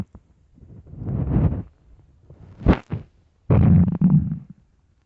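Low gurgling rumbles and squelches in several bursts from the abdomen, typical stomach growling from gas and fluid moving through the gut.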